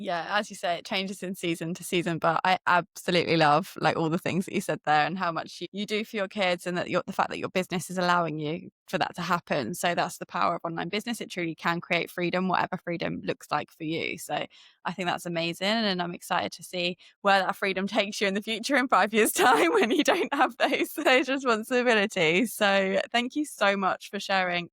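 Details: Adult woman speaking; Normal voice.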